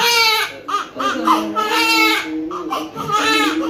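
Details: Newborn's first cries right after a calm, midwife-assisted normal vaginal birth around 7 a.m.: loud, strong, rhythmic crying with clear voiced wails in bursts; a vigorous newborn cry, a normal sign after birth.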